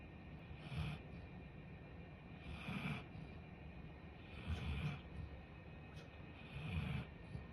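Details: Golden retriever snoring while asleep.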